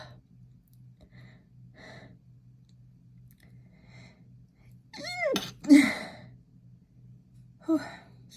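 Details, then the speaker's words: Pregnant woman sneezing after sniffing lavender bath essence, eyes watering: gasping in-breath, then a forceful sneeze and a smaller sneeze-like burst in a quiet room with low hum. "Oh, my eyes are all watering. I'm not gonna sneeze. I sneezed. I sneezed again. I sneezed again."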